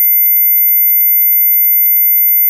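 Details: Simulated tinnitus: a steady, very high-pitched pure tone, one of ten tones of different waveform and frequency emulating common tinnitus sounds, for matching one's own tinnitus.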